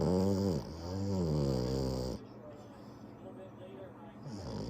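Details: Loud, buzzing, throaty snores from a French Bulldog, followed by a quieter, rougher breath; noisy snoring through a narrowed airway.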